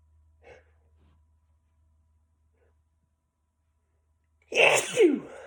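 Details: A series of about ten sneezes, apparently male per the title.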